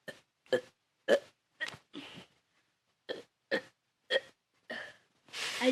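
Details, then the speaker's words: A person doing a burping challenge: a run of about ten short, deliberate voluntary burps, roughly 100 a minute, with a brief pause midway, while asking listeners to count them. "Yeah, let me do it more. You guys should be counting how many times I'm burping."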